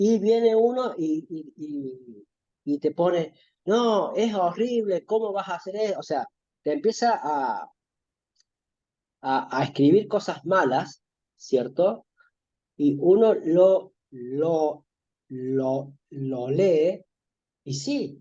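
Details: Stuttering in a man who says he stutters and links it to childhood difficulty talking with friends and parents; word repetitions; stuttering.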